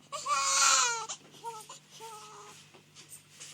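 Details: Hungry baby girl crying: a loud wailing cry followed by shorter whimpering cries, with faint room hum.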